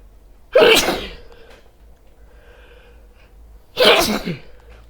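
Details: Person wearing headphones sneezes twice about three seconds apart, each a sudden, forceful, explosive burst of air fading quickly, in a quiet room; sneezing.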